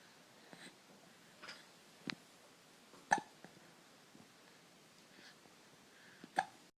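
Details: Hiccuping: short, sharp, jerky sounds repeating irregularly, about four clear ones over several seconds, in a quiet room.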